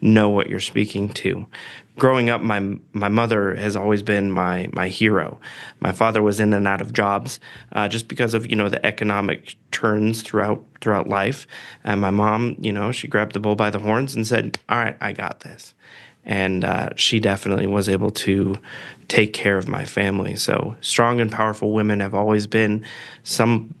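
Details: Adult male speaker; normal speech.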